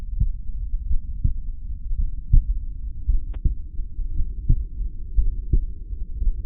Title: Heartbeat auscultation stethoscope heart sounds - Erb’s point - customise parameters of sound